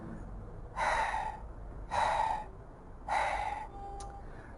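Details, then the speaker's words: Aortic regurgitation murmur heard in a man at the second aortic area, left third intercostal space; a diastolic murmur right after the second heart sound. "دخلت على السكن ده اورتك ايريا في اللفت سيرد سبيس في اللبس سيف لقيت الصوت ده ايه ده"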